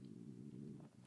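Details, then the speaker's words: Adult's stomach rumbling (borborygmi) while hungry before breakfast: a low, wavering gurgle lasting about a second. "Oh my God, did you hear that? That's my stomach rumbling."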